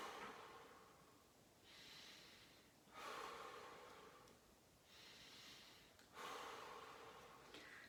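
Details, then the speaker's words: Stethoscope auscultation, side to side over the lobes, during a lung and thorax exam, patient breathing deeper than usual through the mouth: soft airy inhalations, louder rushing exhalations, about two cycles, no wheeze or crackles: normal breath sounds. "i listen for a full breath sound on each side"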